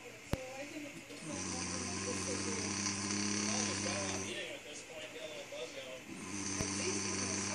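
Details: Long, droning, buzzing snores of several seconds each while sleeping, with a steady hum and some hiss in the background; snoring.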